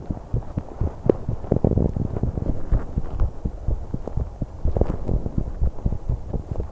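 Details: 21-year-old woman's heartbeat during exercise on an exercise bike: fast, low heart thumps mixed with heavy breathing noise, a quickened heartbeat from exertion, recorded to capture breathing sounds so noisy.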